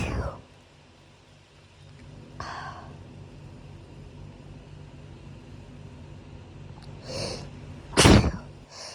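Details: Person with hay fever who woke sneezing in the middle of the night: breathy in-breaths between several loud explosive sneezes in quick succession, low room hum; allergic rhinitis sneezing.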